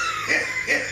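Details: An adult coughing after taking a dab of honey oil: two short, harsh coughs close together, with airy, noisy bursts and no clear voicing.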